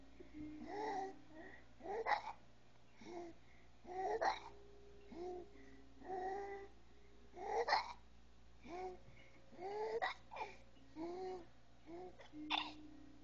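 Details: Infant with trisomy 18 makes short voiced catches about every two seconds with soft babbling in a quiet room, seemingly amused rather than upset as usual; repeated hiccups.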